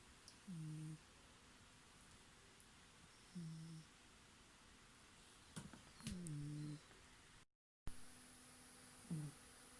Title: cute cat snoring